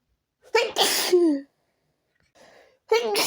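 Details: A habitual random sneeze attack that continued even after changing rooms: a loud sneeze with a quick breath in, then the start of another, with snorts between; repeated sneezing.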